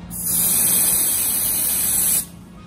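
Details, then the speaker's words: A vapocoolant cold spray on the foot before an anesthetic injection for ingrown toenail removal with a large granuloma: a steady hissing spray of about two seconds, then stopping. "i'm just gonna put your foot just like that all right here we go a little cold spray"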